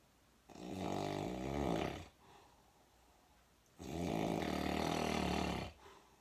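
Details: Nephew snoring while asleep, two long, loud, rattling snores of about two seconds each with a quiet pause between, louder than motorcycles and keeping a listener awake after a 500-mile drive: snoring.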